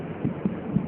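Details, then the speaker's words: Normal fetal heart sounds on a pregnant woman during a Leopold exam demo, heard with a stethoscope at the predicted site, fetus cephalic with back on the right, while the maternal pulse is palpated for comparison: rapid, soft rhythmic thumps, faster than the maternal pulse. "kemudian kita akan menderengangkan jis jantung janin seperti ini tidak akan mendengarkan"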